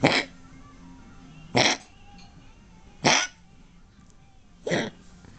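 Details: Female dog gives four short, harsh, dry coughs evenly spaced about 1.5 seconds apart over a faint hum; the owner calls it weird and guesses she is sick; repeated cough.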